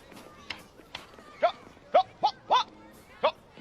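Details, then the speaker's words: Short, sharp, barking-like vocal noises repeating in a quick burst, acted by a character in a film portraying the involuntary vocal tics of Tourette syndrome. "you make more noise than my air horn sounds like you got a healthy case of tourette's"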